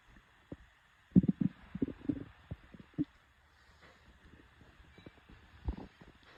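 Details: Stomach growling (borborygmi): low gurgling rumbles in irregular bursts over a quiet background, presented as a hunger growl.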